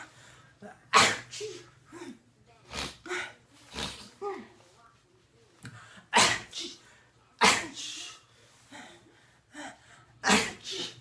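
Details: Sneeze sounds made to make a baby laugh: about six loud, explosive sneeze-like bursts in eleven seconds, with quieter voiced sounds between them.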